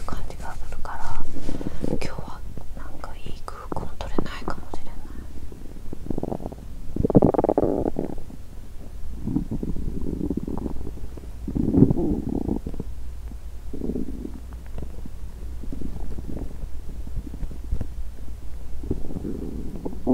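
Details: Woman fasting over 17 hours, period due that day and abdomen bloated: growling and gurgling from an empty stomach; hunger borborygmi.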